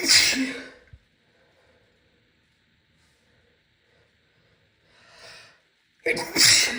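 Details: Female sneezing fit: two sharp, hissing sneezes about six seconds apart, short intake of breath before the second.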